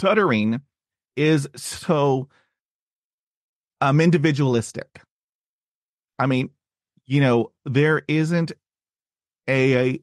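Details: Adult man who has stuttered since childhood, had speech therapy at age 5 and again in his 20s, and reports blocks and repetitions, especially on cold reads; stuttering.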